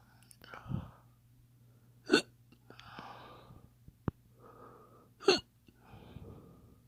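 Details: Fake, imitated hiccups: two sharp, sudden hiccup-like catches about three seconds apart, with soft breathy sounds between.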